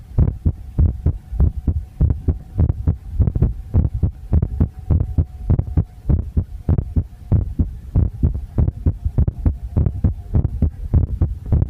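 Regular low thudding heartbeat at roughly 100 beats a minute, with a faint steady hum behind it.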